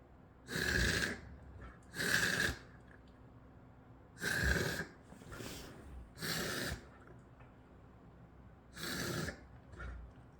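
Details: Coughing.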